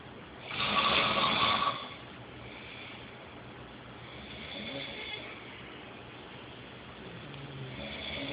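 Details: Snoring in a sleeping person: a loud, rough snore followed by quieter breathing noise in a hissy recording.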